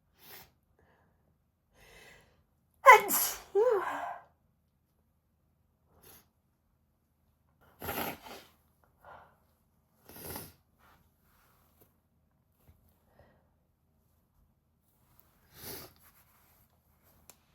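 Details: Woman sneezing into a handkerchief on request for a sneeze video, with possible stomach rumbles: a loud, forceful sneeze followed by several softer sneezes and sniffles, with quiet gaps between.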